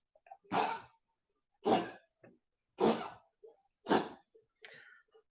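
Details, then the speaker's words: Dog with congestive heart failure gives a run of four harsh, forceful coughs in the background; cough due to congestive heart failure. "you can hear bolo coughing in the background that's part of his uh his issue with uh his issue with being a congestive heart failure hear him that's congestive heart failure everybody"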